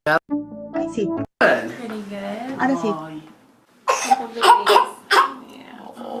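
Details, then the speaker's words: Barking, seal-like cough in a baby with laryngeal croup, also described with a dysphonic cry, shown as a teaching case; barking croupy cough. "Escucharon esa tos que está teniendo ese baby. Fíjense que es una tos que nos está generando eh como una sensación o uno lo podría asimilar. Esa es la famosa tos de perro o tos de foca."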